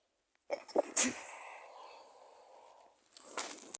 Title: cold sneezes 🤧 first video ever